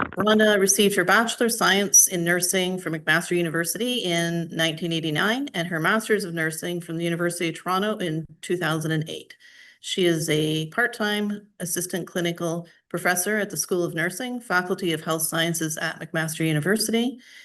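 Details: Adult woman speaking; normal voice.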